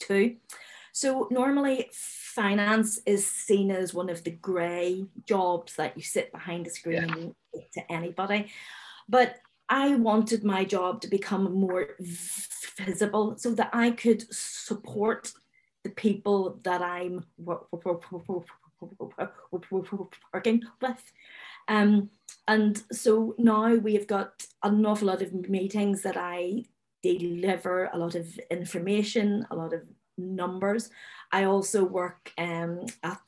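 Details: Adult woman who stammers, speaking openly with her stammer; long wordless gaps between phrases suggest blocks; stuttering (stammering).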